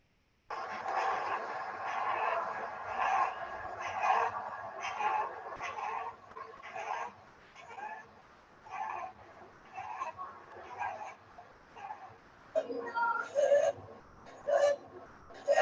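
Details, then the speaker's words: Child with bronchospasm, shown as a warning sign of a possible food allergy needing emergency care: rapid, effortful breathing, audible without a stethoscope, with a high squeaky whistle on every exhalation; expiratory wheeze. "vídeo como podéis oír se oye el pitido como el niño con cada expiración se oye Uh No es diferente al quejido esto son los pitos"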